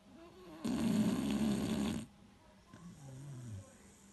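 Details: A 3-year-old male beagle, a habitually loud snorer, gives one loud, rough, rattling snore of over a second while asleep, followed by a softer breath out.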